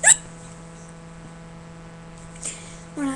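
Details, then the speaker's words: Hiccups at 2:37 in the morning while watching TV; the speaker says their stomach hurts. A sharp, sudden hiccup, then two quieter hiccup-like catches over a low steady background hum. "I have the hiccups. My stomach hurts."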